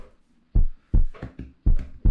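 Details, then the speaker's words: Marathon runner's own heartbeat during race week: strong, regular low lub-dub thumps, slightly faster than usual from excitement. "just listen carefully that is a sound of my heartbeat beating a little bit quicker than usual because race week is here"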